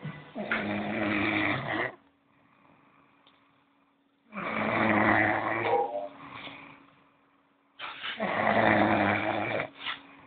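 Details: Person snoring: three loud, rough, rattling snores on breathing in, about 16 a minute, with quiet pauses between and a faint steady room hum.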